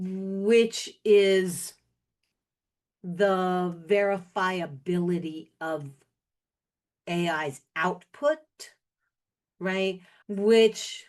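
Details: Aphasia in a man, caused by a stroke 21 years ago; initially could not speak, then spoke one word for a year, gradually improving, with some ongoing speaking difficulties.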